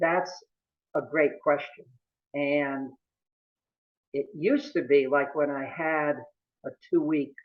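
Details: Adult male lawyer who has stuttered since about age 2 or 3, with a family history of stuttering in his father and brother; stuttering.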